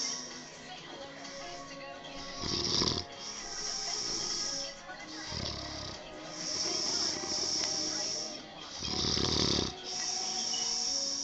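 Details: Dog snoring and blowing spit bubbles while asleep: three rough, low snoring bursts about three seconds apart over loud television sound.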